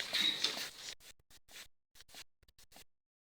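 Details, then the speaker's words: Vital signs demonstration with a mercury sphygmomanometer: hand bulb pumped, short rhythmic airy squeezes about three a second, inflating the blood pressure cuff while palpating the pulse until it stops, before stethoscope auscultation. "so now i have to pump so that when it stops or setting that's where i'll start measuring from so it's for setting i have to go"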